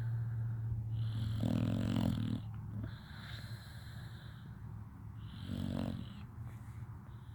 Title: Snoring much?